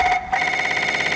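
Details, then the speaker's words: MRI scanner noise during a normal EPI fMRI sequence, loud steady electronic tone with rapid pulsing and a brief dip, then resuming as ear-selective active noise cancellation sets in. "So another solution is active noise cancellation. You probably know this, and it sounds like this."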